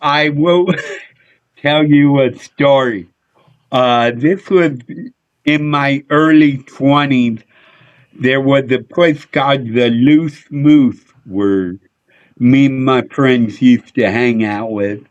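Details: Adult male with a neurological problem; MRI showed an underdeveloped back of the brain; head hit a dashboard in a car accident when younger; real condition; slurred speech mistaken for drunkenness (speech impediment).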